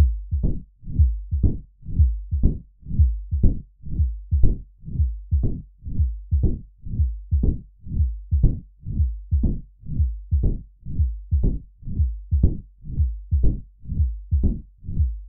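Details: Mitral stenosis in a simplified 3D animation: regular low-pitched heartbeat near 60 per minute with a rumbling diastolic murmur and opening snap.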